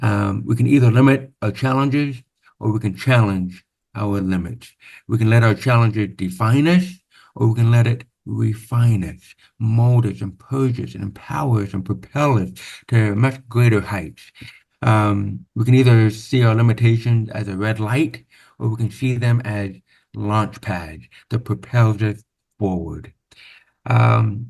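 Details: Man born with severe, profound (about 90%) hearing loss, after over 13 years of speech therapy, with what he calls a deaf accent; deaf speech (speech of a person with profound hearing loss).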